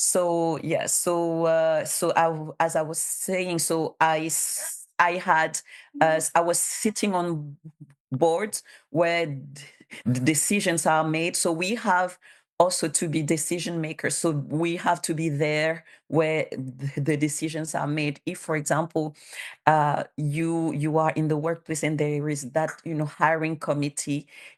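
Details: Bilingual adult woman who stutters, has self-declared her stutter as a disability, and cites speech therapist documentation; her real conference speech shows sound and word repetitions, consistent with stuttering.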